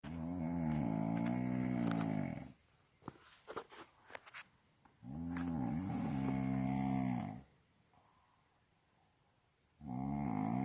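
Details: Person recorded while asleep, heavy snoring: two long, loud, rumbling snores with a vibrating, growl-like quality, separated by quiet gaps with small rustles.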